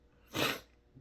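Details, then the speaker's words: A single sharp, explosive sneeze from an adult speaker during a spoken Bible devotional; an ordinary sneeze. "Hold on, I'm going to sneeze."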